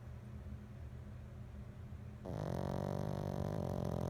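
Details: 8-month-old pug snoring: low rattling breathing that turns into a loud, continuous buzzing snore.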